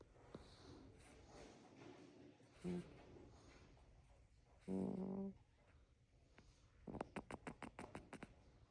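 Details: Cricket, a sleeping pet, making soft hums and short snorty snores with a few quick sniffing puffs; harmless sleep sounds.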